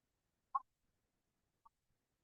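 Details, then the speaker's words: Sick newborn in respiratory distress, respiratory rate about 46/min, bluish lips, moderate retractions: two short, soft voiced expiratory grunts audible without a stethoscope, scored two. "Grunting is audible. Even without a stethoscope you can hear the grunting. So it is a score of two."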